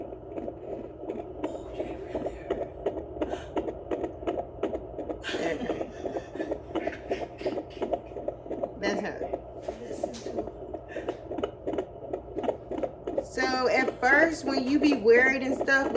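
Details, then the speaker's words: Fetal heartbeat heard with a home baby Doppler and gel: fast, whooshing rhythmic pulses, about 140 a minute, with brief music at the end; a normal fetal heartbeat. "sometimes you can find your heartbeat and sometimes you can find her heartbeat and sometimes the baby's heartbeat sound more like an ocean"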